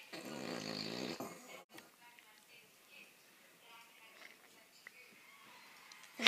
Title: Loudest snoring dog EVER!